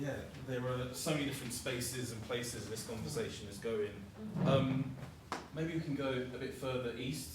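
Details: Adult male speaker; normal voice.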